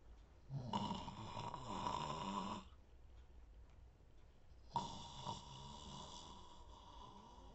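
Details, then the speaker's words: Man's snoring, performed as a sound effect by an awake man imitating it, not real sleep. "so today sound effect is gonna be a man snoring sound effect"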